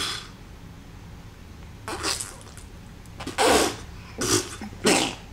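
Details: Baby girl sneezing on a call with her dad, sneezing whenever mom or dad sneezes: a run of four or five short, sharp sneezes close together.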